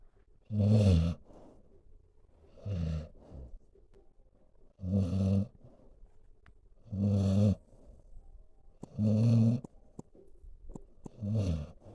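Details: Senior dog sleeping calmly, snoring: deep, rumbling snores on each in-breath, about six in twelve seconds, with soft exhales between.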